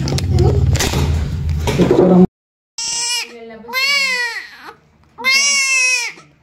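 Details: Loud, clear-toned wails from a newborn just after a normal vaginal delivery without epidural, with short pauses for breath after noisy delivery-room sounds; a normal vigorous cry.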